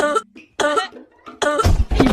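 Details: Acted comedy cough in a birthday skit: three loud, voiced, throaty cough bursts with brief quiet gaps, an exaggerated imitation cough.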